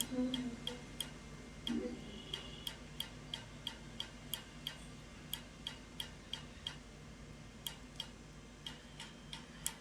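Sharp, rapid clicking pulses, about three per second, against a steady machine hum; a tattoo-removal laser firing repeatedly.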